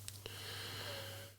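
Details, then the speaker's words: An adult smoker trying to quit cigarettes, wheezing badly with lungs and chest affected, makes a thin, steady whistle drawn out over about a second of breath; wheezing. "i'm pretty sure you can hear i am wheezing pretty badly at the moment my lungs and chest everything"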